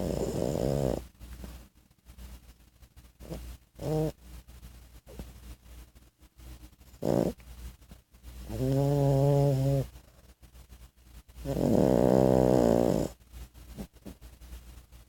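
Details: 14-week-old French Bulldog puppy asleep: loud, buzzing, musical snores recur irregularly between quieter breaths; snoring.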